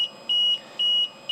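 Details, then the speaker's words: LTV 1200 ventilator switching from volume to pressure mode, where the mode button is pressed twice to confirm: two short, high steady electronic beeps confirming the mode change. "down below we have the selection of volume or pressure mode and these will take a double clip to confirm it"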